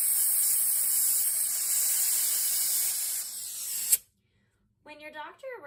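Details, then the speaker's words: Loud steady air-and-water hiss for about four seconds, then stopping: a dental air-water syringe with both buttons pressed, rinsing acid etch off a tooth while high-volume suction is held against it. "we're going to take our air water syringe and we're going to place our thumb on both the water and the air button simultaneously to get our power washer"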